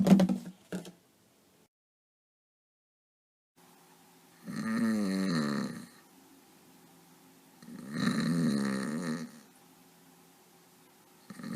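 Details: Acted scene of a character snoring at night keeping his roommate awake: after brief whispering, two long, loud rattling snores a few seconds apart with quiet breathing between; simulated snoring.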